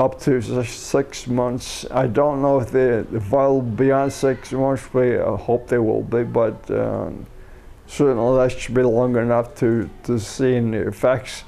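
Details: Adult man with a neurodegenerative disorder first diagnosed as cerebellar ataxia, later rediagnosed as multiple system atrophy; after umbilical cord blood stem cell treatment in China; excessive saliva; seeing a speech pathologist; ataxic dysarthria.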